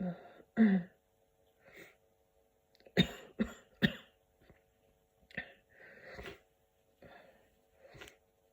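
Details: Person sick with a cold, coughing and sneezing: a run of about ten harsh coughs and sneezes in a small room, with sniffles between them.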